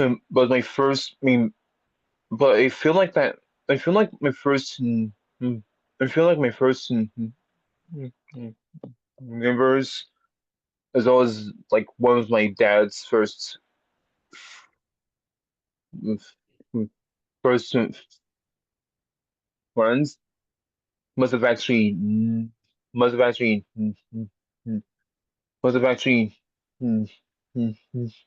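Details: Person who has had speech therapy for a speech impediment, with many repetitions and revisions; stuttering.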